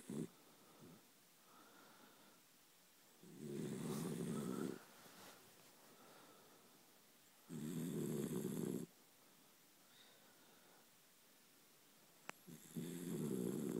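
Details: Snoring from a sleeping dachshund: loud rumbling snores every few seconds with quieter breaths between them; ordinary dog snoring.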